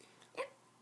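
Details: Child who got hiccups after feeling unwell the night before: a single short, abrupt hiccup over quiet room background; hiccup.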